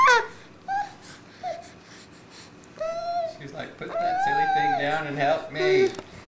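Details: Six-month-old girl, very tired after a morning of tummy crawling and minutes from falling asleep: short whimpers and fussy cries building to a longer wail in a quiet room; ordinary fussy infant cry.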